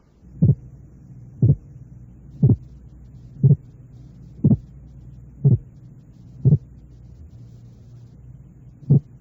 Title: 2. Auscultación Cardíaca MSD "Desdoblamientos de los Ruidos"